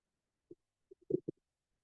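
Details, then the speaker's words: Pericardial friction rub heard with a stethoscope: soft, scratchy low thumps with an extra rubbing sound as the two pericardial layers rub together, distinct from the normal lub-dub heart sounds. "two layers of pericardium are rubbing each other and please try to listen this sound this this sound is known as pericardial rub"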